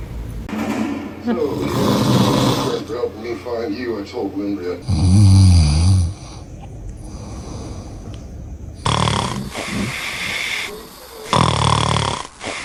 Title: Baby’s reaction when dad snores 😴😪🤣#tiktok #baby #funny #cute #fyp